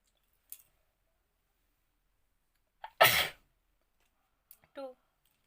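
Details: Deliberately triggered sneeze in a sneezing challenge, provoked with a folded piece of paper instead of powder: a sharp sneeze after a quick indrawn breath in a quiet room, with brief faint voice sounds around it.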